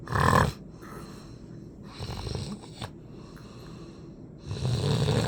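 Rough, rattling snores on the breath in, with quieter breathing and a snort between them: snoring.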